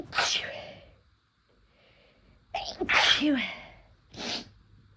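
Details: Three forceful sneezes, the second preceded by a sharp intake of breath, triggered by first-time use of chhinkni herbal snuff; sneezing from a nasal irritant.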